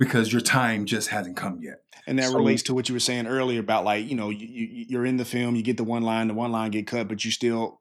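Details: Adult male speaker; normal conversational speech.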